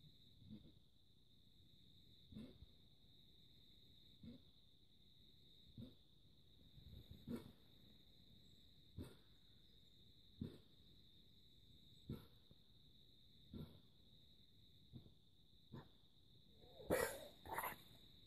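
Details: Kennel cough in a German Shorthaired Pointer dog: a long series of short, dry hacking coughs.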